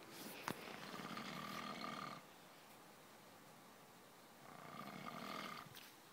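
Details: Adult man snoring very heavily while sleeping in a tent in a garden.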